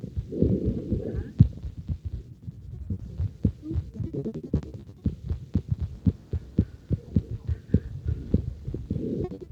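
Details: Heart auscultation with a stethoscope in patient 544: rapid, regular heart sounds around 120 beats a minute with low hum and rustling.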